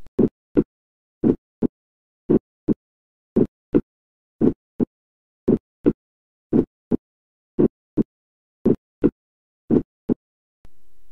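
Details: Split first heart sound, its two components very close together and hard to tell apart from a fourth heart sound.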